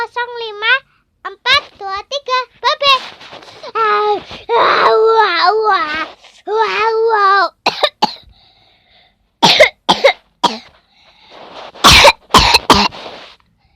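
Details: Imitated cough: a child copies an idol's coughing, with sing-song vocal sounds and then several short, forced coughs.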